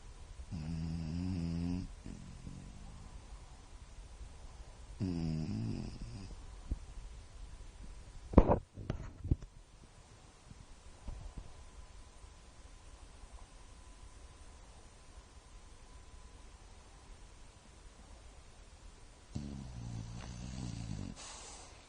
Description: Lola the shar pei is snoring again, this time with her head on her dad's pillow!